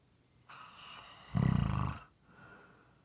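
A soft inward breath, then one loud, rough, rattling snore, fading into quiet breathing: moist, irregular snoring.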